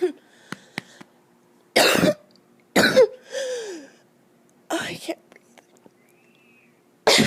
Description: Every cold I get goes to my chest and this was a really bad one.